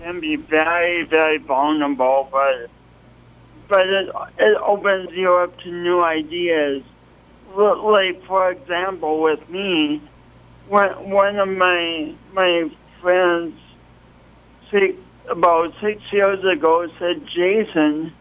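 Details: Adult man with a pronounced speech impediment and coordination awkwardness since an early, traumatic birth with loss of oxygen; speech impediment.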